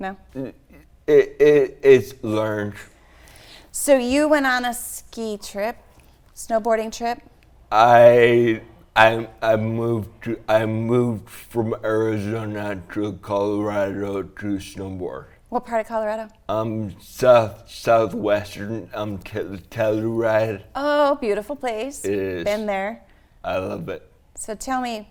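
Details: Adult man and adult woman in conversation; conversational speech.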